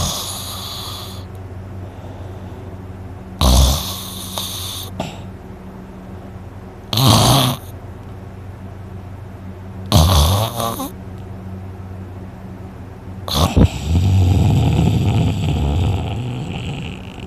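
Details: Loud, harsh snores every three to four seconds over quiet room noise, ending in a longer rough rattling breath, after a tiring day of hunting; sleeper reports a very sore throat afterwards; snoring.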